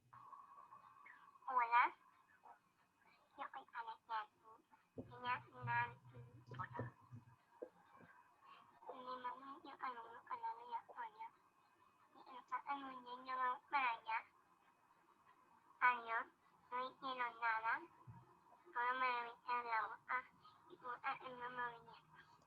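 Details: Young girl before treatment (later speech therapy and custom-made pharyngeal flap after nasometry and nasopharyngoscopy): hypernasal speech with nasal emission and compensatory articulation.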